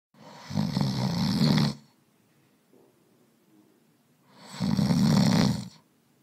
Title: Man snoring - sound effects | sfx | No copyright ( download Link )